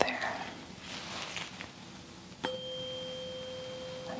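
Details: Role-play head-to-toe exam: a tap, then a clear, steady ringing tone from a struck tuning fork during a hearing check of the left ear and then the right, after the person heard it in both ears but louder on the left.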